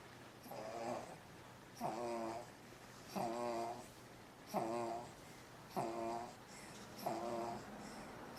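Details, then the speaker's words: Regular rattling snoring, about 46 breaths a minute, short inhale and quiet exhale, from a baby early in the morning, reportedly not fully developed so doesn't breathe easily; likened to grandpa's snoring. "It's really early in the morning, and is snoring because she's not fully developed yet, so she doesn't breathe really easy. She sounds like Grandpa."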